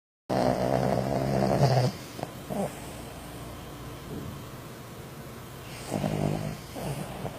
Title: DOG CAUGHT LIVE ON VIDEO WHILE SNORING !!!!!